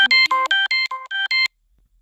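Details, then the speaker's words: A short, loud electronic melody of bright beeping tones from a Dexcom continuous glucose monitor on a phone, in a person with type 1 diabetes whose sensor was ripped out of the arm; glucose monitor alert. "That was my Dexcom beeping on my phone. I apologize."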